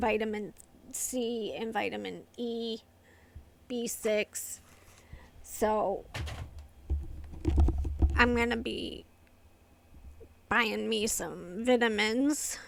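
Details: Adult woman with familial essential tremor affecting the vocal cords, diagnosed by a movement-disorder neurologist, plus medication-induced tardive dyskinesia from long-term antipsychotic use; vocal tremor.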